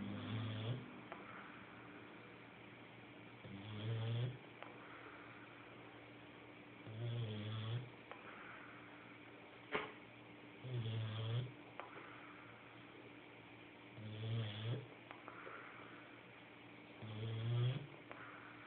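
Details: Snoring during sleep: six soft, low snorting snores, about 18 breaths a minute, with a faint steady hum in the background.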